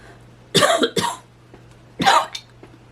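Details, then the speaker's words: Three harsh, forceful, gagging coughs in quick bursts from an adult woman with chronic asthma and laryngitis-like voice loss; she describes extreme gagging coughs from her lungs. "gagging coughs um that are really extreme and make me almost fall out from coughing and that's just my lungs I've been told"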